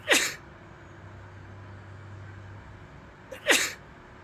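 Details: Sneezing tagged as allergies: two sharp, explosive sneezes about three seconds apart, with quiet room noise between them.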